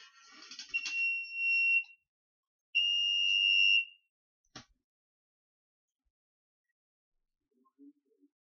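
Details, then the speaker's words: Loud steady high-pitched alarm tones, about one second each, from an LVAD (left ventricular assist device) controller during the routine alarm self-test the patient was told to do monthly; heart failure patient, equipment used overnight off batteries. "It's funny because they told me to check that alarm at least once a month, and this is the sound it makes whenever you test it."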